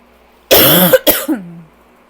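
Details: Rough allergy cough in a person who has been coughing all day with a super tight chest: two harsh, rough coughs followed by a groaning voice.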